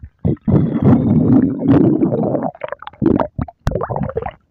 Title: shenhe and Yelan’s stomach growl